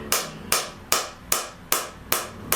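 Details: Sharp, regular clacking pulses, about 150 a minute, from a SoftWave shockwave therapy handpiece treating a hip stress fracture around the femoral head, with the patient lying on her left side; shockwave therapy device pulses.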